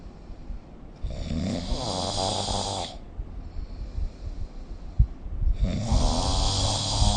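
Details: Snoring recorded with the SnoreLab app: loud, rattling snores on each in-breath, about two seconds long, separated by quieter out-breaths.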